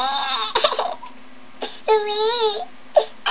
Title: crying children making you laugh